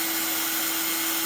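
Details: Oscillating cast saw running during cast removal, blade vibrating back and forth rather than spinning; steady high buzzing whine, loud but not sharp.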